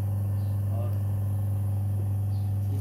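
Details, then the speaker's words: Electric hospital suction machine switched on: steady low motor hum showing the machine is running normally. "इसका मतलब यह है कि यह काम कर रहा है मशीन चल रही है और हम इसको सेट कर सकते हैं"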